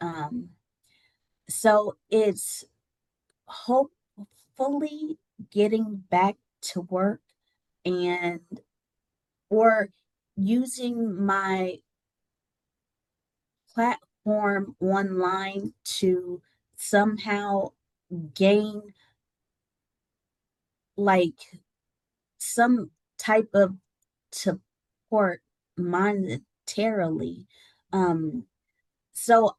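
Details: Adult woman with aphasia after a stroke that left her unable to speak, regaining speech with app-based speech and language therapy; word errors and self-corrections heard.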